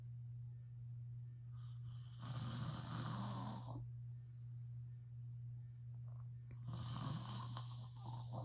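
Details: Adult man snoring during sleep: two low, rattling snores on inspiration separated by quiet pauses, over steady room hum.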